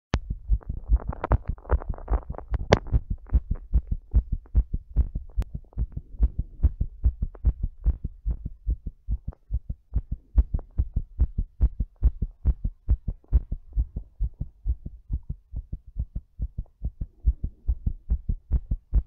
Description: My heart's all thumpy while I'm doing breathplay.